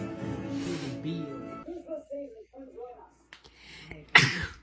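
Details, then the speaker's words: Single sharp, wet human sneeze near the end, after music and voices; the sneezer says it came out of nowhere, possibly from feeling a little cold. "oh my gosh that was wow wet one thank you thank you okay so i was at work and um [Music] i don't know i just sneezed out of nowhere"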